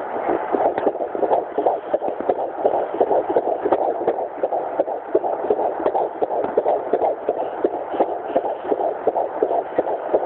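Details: Fetal heartbeat at 12 weeks 3 days of pregnancy: rapid, regular whooshing on Doppler, about 165 beats a minute.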